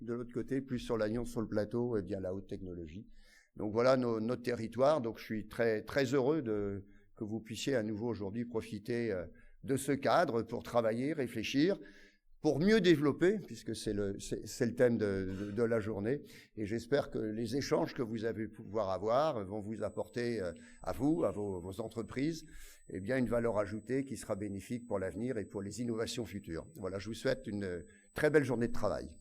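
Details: Adult male speaker, French; normal speech.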